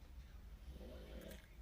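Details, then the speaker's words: A female dog asleep right beside the person gives a faint, low, rumbling snore against quiet room noise; ordinary dog snoring. "and if you hear the dog snoring she's right there I just sat here and she followed me behind to then snore"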